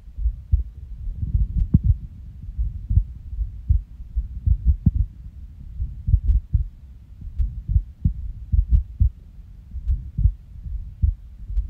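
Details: Resting heartbeat with skipped beats on waking from a nap: low, muffled thumps with uneven spacing, some beats early or pausing; irregular rhythm with skipped beats.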